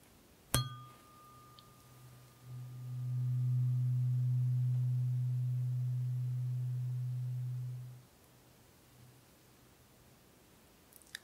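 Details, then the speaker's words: Simulated ASMR role-play hearing test, not a real exam: the lowest-frequency of eight tuning forks is struck and played to one ear, giving a sharp strike and then a steady low hum held about five seconds before fading. "h the lowest frequency I'll strike the tuning fork play it to one ear and then again plate to the other and I'm looking for you to tell me how it sounds okay can you pick up the sound does it sound nice and strong in those ears things like that okay"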